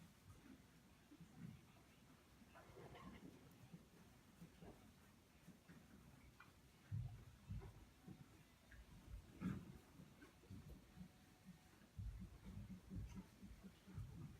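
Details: Slow, deep thumps of a horse's heart heard with a stethoscope at the heart girth area during a routine health check, counted over 10 seconds: normal resting equine heartbeat.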